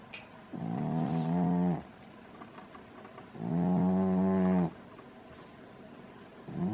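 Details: Lying in a crystal bowl with head upside down, two long, deep, rattling snores about three seconds apart with quiet breathing between; loud snoring during sleep.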